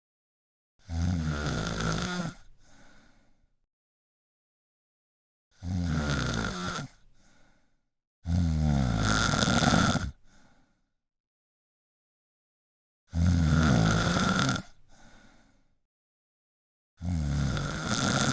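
Loud, harsh snores on each inhalation, about 15 a minute, with a softer exhale after each; ordinary snoring.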